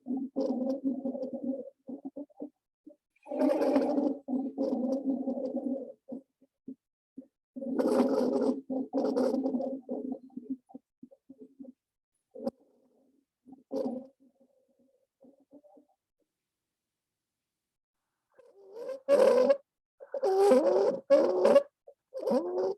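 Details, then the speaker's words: Lung-sound recording in a respiratory assessment lecture: harsh, high-pitched musical noises with breaths; stridor, an upper airway sign described as never good, likely end stage. "So stridor is never a good sign. The likelihood is if you're hearing stridor, we're in a end stage wherever we are."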